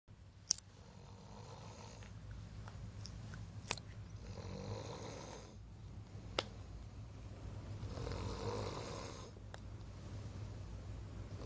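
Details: Snoring during the night: slow, rough snoring breaths, several in a row, with occasional small clicks in a quiet room.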